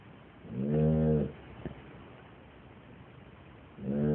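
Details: Dog snoring: loud, drawn-out droning breaths with a buzzing, tonal quality, separated by quiet pauses, with background music.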